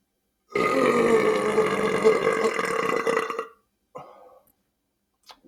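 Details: Adult belches loudly while eating peanut butter sandwiches and boiled eggs and drinking soda: one long, loud, rumbling belch of about three seconds, then a brief second burp; ordinary eructation.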